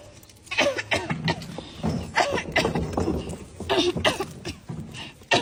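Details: Cough: a run of harsh, throaty cough bursts in quick succession, with rough, noisy breaths between them.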